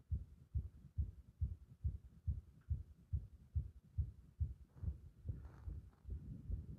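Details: Compression heart sound with a bursting-like arrhythmia: rapid heartbeat near 140 a minute through a stethoscope, mostly regular with some uneven later beats and faint rubbing.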